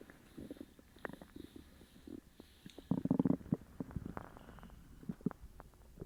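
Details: Loud borborygmi of an upset stomach after eating sugar-free gummies: irregular gurgling and bubbling rumbles from the belly, louder in the middle.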